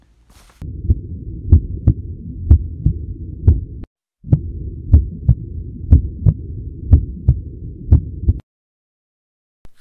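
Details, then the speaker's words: On cardiac auscultation, a regular lub-dub heartbeat at about 60 a minute over a steady stethoscope rumble: normal first and second heart sounds (S1 and S2). "durante a ausculta cardíaca vocês viram escutar as bulhas cardíacas né que são sons cardíacos em alguns casos vão escutar B3 e B4 em todos B1 e B2 Então vamos lá B1 e B2 são sons normais"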